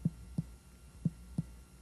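Three short, hollow percussion taps over the left upper abdomen against faint room hum: gastric tympany, a normal finding.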